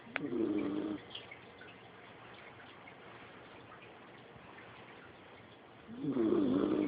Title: Manny snoring.